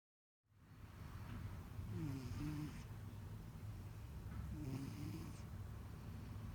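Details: Close-range recording of a male cat's loud nose sounds: low, rattling, snore-like noises with each breath, stertor suggesting narrowed upper airways.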